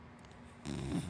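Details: Sleeping dachshund–black Labrador mix dog snoring: one brief, soft, low snuffling snore, harmless ordinary snoring.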